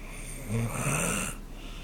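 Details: Single brief low rumbling snore over steady room hiss while sleeping on the couch; snoring.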